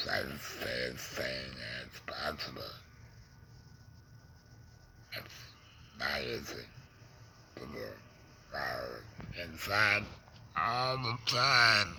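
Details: Adult man who breathes through a neck stoma after a laryngectomy for cancer (tongue cancer and tongue pain are also mentioned), with alaryngeal speech after laryngectomy.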